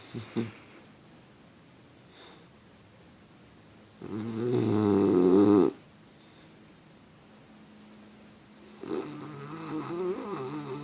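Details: Sleeping bulldog snoring: loud, rattling, buzzy snores on each inhalation, roughly every five seconds.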